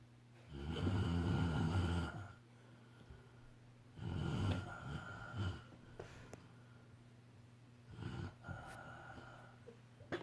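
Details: An adult man (a father) snoring heavily in sleep: loud, deep, rattling snores with a groaning quality, about three in ten seconds, quiet breathing between, and room hum.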